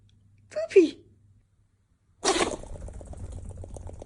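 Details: Pomeranian sneezing: a brief squeaky snort, then a sharp explosive sneeze that shakes her whole body, followed by rustling and pattering.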